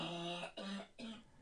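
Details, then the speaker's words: Adult radio host who says they are sick but not contagious: three harsh, voiced cough bursts close to the microphone, with a throat-clearing quality. "Wow, that sounded horrible. Sorry, that was bad. Holy cow. That was a doozy."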